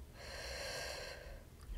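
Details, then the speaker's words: Stethoscope chest auscultation in a simulated roleplay doctor exam: one slow, deep, airy breath on request, without wheeze or crackle; normal breath sounds. "more time for me deep breath in deep breath out okay all right that's sounding good"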